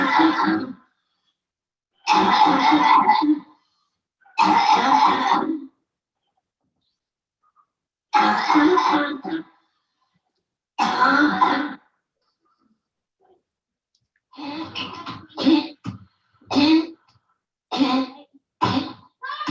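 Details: Home video of a child with a functional habit cough, coughing at least once a minute while playing and talking.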